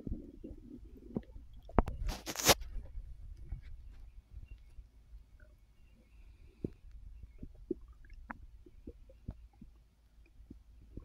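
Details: Frequent gurgles, clicks and short squeaky rumbles with one louder rustle from a full stomach while resting after overeating (snacking after a gummy); active bowel sounds.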